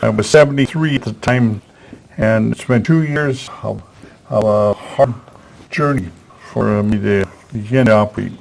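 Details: Aphasia in a person after a stroke, previously in a professional career.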